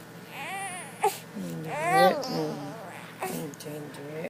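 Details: Infant, said to be sick; short, wavering cries and whimpers in a small room with a brief sharp sound partway through; infant cry.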